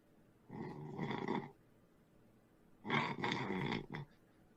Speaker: He's snoring. Listen. Be quiet.